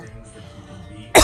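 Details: After a second of quiet room sound with faint music, an adult gives one sharp, loud cough, attributed to something going down the throat.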